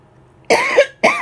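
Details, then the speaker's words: Two harsh cough bursts from an adult woman who has been sick and homebound all week with an illness caught from her husband; the first burst is longer, with a brief pause between. Cough. "you hear that you hear that cough I just hang it on one and all I want to do is sleep"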